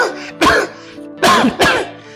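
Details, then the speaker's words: Three short, harsh, voiced acted coughs from an adult, two in quick succession, over soft background music, in a cough syrup advertisement; a simulated cough. "मुझे लगता है खांसी का problem address करना जरूरी है"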